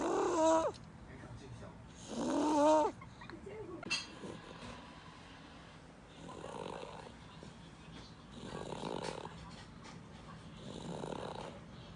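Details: Baby aged 1 year 4 months snoring in sleep: soft rhythmic snoring on each breath, about 25 a minute, louder rattling sounds at first, then quieter.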